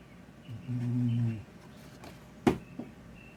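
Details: Sleeping cat snoring and dreaming: one low, rumbling snore under a second long, then a soft click and a small snuffle in a quiet room.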